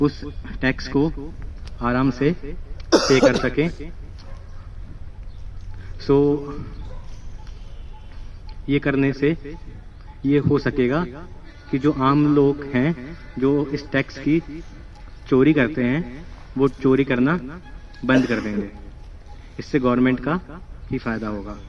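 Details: Male student at a stammering therapy centre speaking in a role-play; speech broken up by pauses; stuttering.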